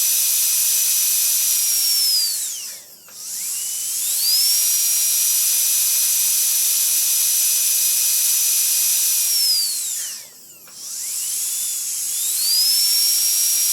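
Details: High-pitched dental drill whine that spins down, pauses and revs back up twice; sound effect of a dental drill.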